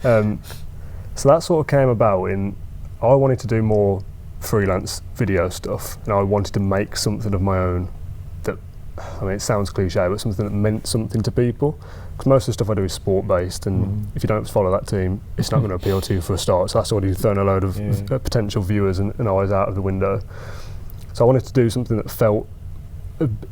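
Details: Adult man; typical speech.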